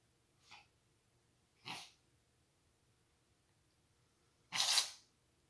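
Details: Three short hissing sneezes from a cat, the last loudest, in a quiet room; caused by a grass straw in the nose after eating grass; sneezing.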